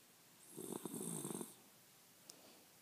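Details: Eight-year-old female Shiba Inu asleep in owner's arms, tends to twitch while dreaming; a single rough, fluttering snore in a quiet room before she wakes; snoring.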